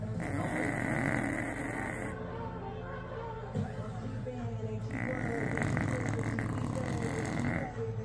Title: Our little rescue puppy snores so loud.